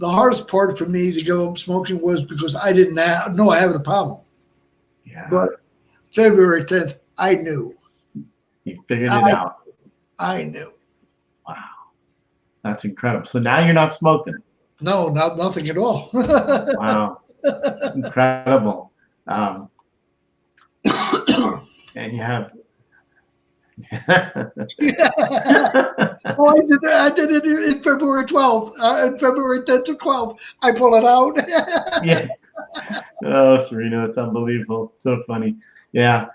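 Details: Adult man with Broca's aphasia for more than 8 years after a stroke in March 2011; he is also a heart transplant recipient. Speech is limited to short utterances, with laborious word-finding and more difficulty with verbs than nouns.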